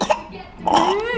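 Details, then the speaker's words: Cough from a child who keeps coughing and suddenly wakes coughing, without vomiting: one brief cough followed by a rising whine; child's cough. "Enggak sih, jadi tiba-tiba kayak kebangun batuk, terus batuk."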